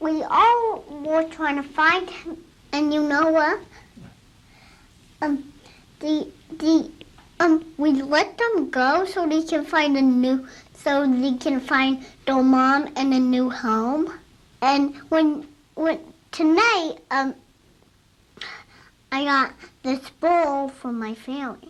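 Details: Young child learning to talk, shown as an example of normal repetitions such as word repetitions, interjections and revisions; normal developmental disfluency.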